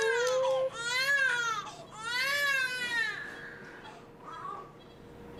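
A newborn gives two strong, high-pitched rising-and-falling cries, then a shorter cry, with a normal, clear tone.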